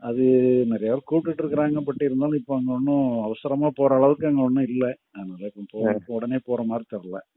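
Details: Adult man speaking; no disorder.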